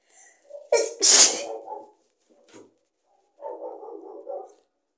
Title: Sneezing into a CD! ( f )